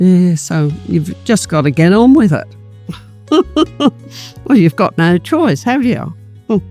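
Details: Adult speaker; ordinary speech.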